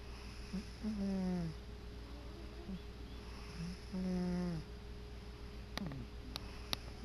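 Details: Sleeping cat on his favorite chair: soft, whistling, tonal snores with each breath, about 19 a minute, over a steady background hum; cat snoring.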